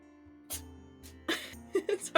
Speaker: my cat is sneezing. I don't know if you can hear I can hear it.